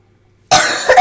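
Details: Adult with a worn-out voice, in a video about a character feared to have COVID, gives a harsh, noisy cough burst after half a second of quiet, briefly renewing at its end, during a coughing spell; cough.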